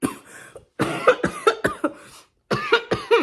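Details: A run of short, harsh coughs in clusters with brief pauses, about eight bursts in three seconds, from an adult who says she is very sick, voice affected; cough.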